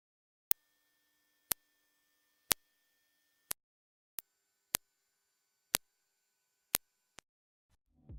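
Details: Hearing test tones above 8000 Hz played for headphone listening to check age-related high-frequency hearing loss: series of brief high-pitched tones about once a second.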